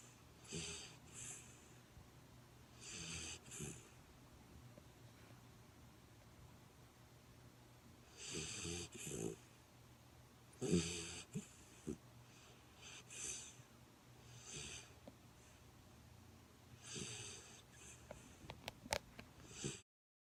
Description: 11 week goldendoodle puppy snoring away on her dad's lap.